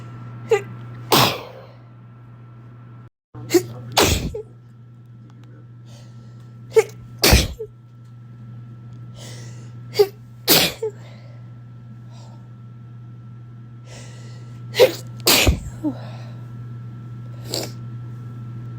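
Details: Repeated short, explosive sneezes, about six over nineteen seconds, each with a quick breath before, over steady hum; sneezing captured through the day, possibly a cold or winter allergies.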